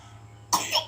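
A single short, sharp cough after a quiet hum.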